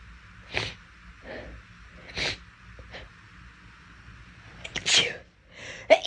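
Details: A girl sneezing: short sharp bursts, several in a row with quick breaths between; ordinary sneezing.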